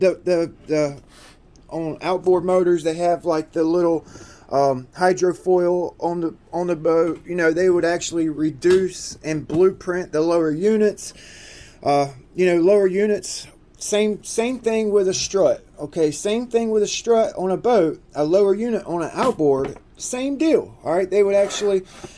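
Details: Adult man who self-reports that he stutters and repeats himself a lot; stuttering.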